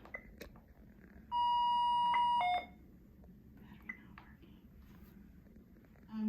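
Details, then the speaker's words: Enteral syringe pump switched on for a feed and held to load while it checks its own systems: a sustained electronic beep, then a shorter lower tone, then quiet room noise, the normal start-up self-check beeps. "so you turn it on and hold it for a second and it lights up and you have to wait for it to load checking all its own systems anytime that it alarms for you you're going to press the silence button up here at the top"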